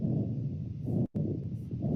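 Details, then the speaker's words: Dialysis access fistula auscultated with a stethoscope: continuous low whooshing hum, waxing slightly with each beat, heard through both systole and diastole; normal arteriovenous fistula bruit. "A good fisher should have a continuous buzz or a hum which should be like a whooing sound that we just heard. The sound is continuous in both the cy and dest phase of the heart sound."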